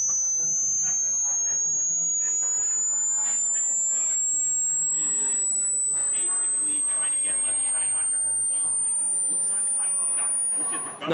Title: Could you hear the noise until the end in this hearing test? #youtubeshorts #shorts #sound #viral